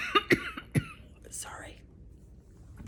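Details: Two short, sharp coughs followed by a throat-clearing breath in a quiet room, from an adult with ALS who has been sick about 14 days with viral bronchitis, fever and lost voice.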